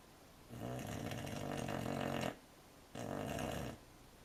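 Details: American Cocker Spaniel puppy snoring: two rough, rattling snores on the in-breath, each about one to two seconds, separated by a quiet pause.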